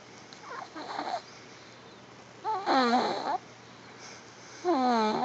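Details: Infant snoring during sleep: short, squeaky, whistling breaths repeating every couple of seconds.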